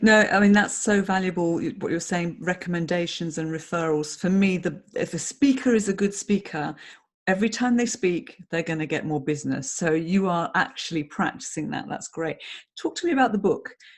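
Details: Adult speaker in conversation; Normal conversational speech.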